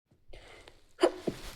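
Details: Stifled sneeze: a brief held-in breath, then a muffled, suppressed sneeze burst and a smaller second puff; sneeze.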